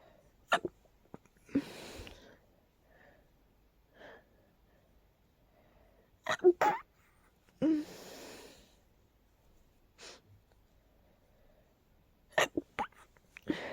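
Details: Several short, deliberately suppressed sneezes with sharp clicks and breathy bursts, some preceded by quick inhalations; the person was trying hard to stifle them because their nose felt very tickly.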